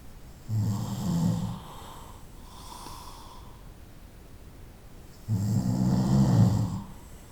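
Loud, low rumbling snores on each breath in, with a quieter breath out between them; ordinary night-time snoring.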